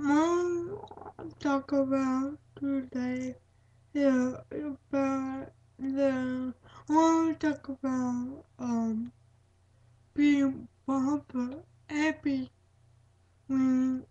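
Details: Female speaker with cerebral palsy; dysarthric speech (cerebral palsy).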